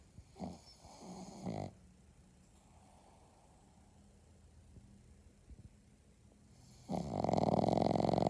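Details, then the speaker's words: Owner's furry boy (pet) caught snoring while asleep: two rough, rattling snores on breathing in, a quiet pause, then a louder harsh snore begins. "That's how my son snores. Scary snore."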